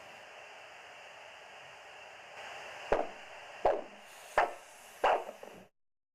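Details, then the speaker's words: Ankle-brachial index for peripheral arterial disease, Doppler probe over an ankle artery, cuff inflated 20–30 mmHg above flow and slowly deflated: steady hiss, then four pulsing whooshes about 80 a minute as flow returns at systolic pressure. "then slowly deflate the cuff until you hear the sound of the systolic pressure and record"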